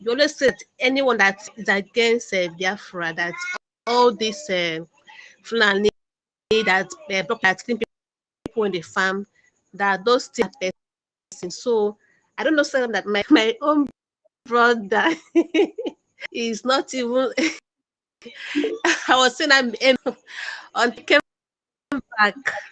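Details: Adult caller who says he stammers; the finding is stuttering.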